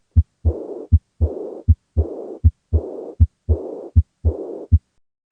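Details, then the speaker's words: Aortic regurgitation: decrescendo blowing diastolic murmur after each S2, regular rhythm about 79 a minute, heard at the upper left sternal edge; chronic severe form associated with bounding pulse and systolic hypertension. "on auscultation you're going to hear a decrescendo diastolic murmur which is heard back at the upper left sternal edge in the tricuspid auscultation area and this is what it sounds"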